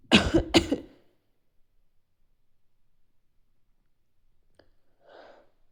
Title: I feel a lot of tickling! Sneezing